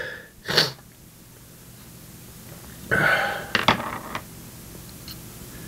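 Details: Male, possible cold or allergies (uncertain): two loud, sudden bursts of air a few seconds apart in a quiet room; big sneezes.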